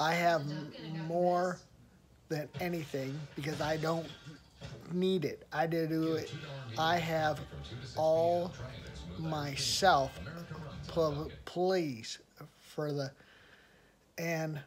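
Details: Aphasia in an adult who attended a rehabilitation research program about a year earlier; word-finding difficulty and fragmented sentences.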